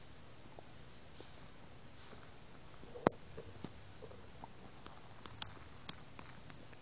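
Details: Stomach noise after milk: quiet abdominal recording with scattered soft clicks and brief gurgles over low background hiss, consistent with bowel sounds (borborygmi).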